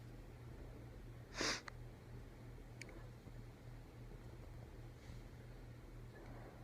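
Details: Person who woke with a nasal tickle deliberately inducing a mild sneezing fit for the first time: one sharp sneeze burst against quiet room hum, then a faint sniff.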